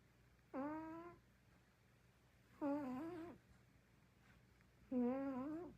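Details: Three drawn-out, droning voiced snores about two seconds apart in a quiet room from a sleeping female cat; owner jokes farting or snoring; snoring.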